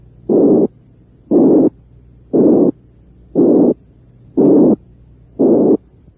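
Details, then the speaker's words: Simulated high-pitched blowing murmur made from a narrow band around 360 cycles, likened to mild mitral or aortic regurgitation murmurs: six regular soft bursts at about 59 a minute. "lo denominó soplos o plante de tonalidad alta y este se parece a los soplos de insuficiencia mitral y de insuficiencia aórtica cuando estos no son demasiado intensos escuchemos nuevamente este soplo"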